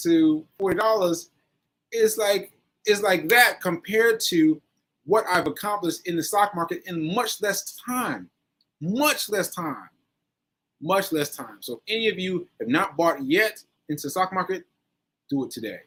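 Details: Post-stroke aphasia in a male stroke survivor, nearly a year after a stroke on 7/14/22 (recorded 7/4/23); he is still recovering and says his aphasia makes some things harder.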